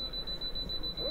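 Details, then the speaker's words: Steady rapid high-pitched electronic beeping from a dental apex locator during root canal treatment as the file is pushed through to the root tip at the 0.0 reading; palatal canal, pre-estimated at about 18 mm, measured at 18 mm. "i'm going to make sure that i get this beeping sound here and we can see on the reading how it's going all the way up so we know our apex located everything is working properly"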